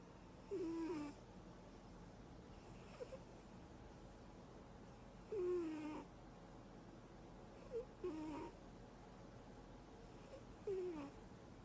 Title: Funny Cat Snores in sleep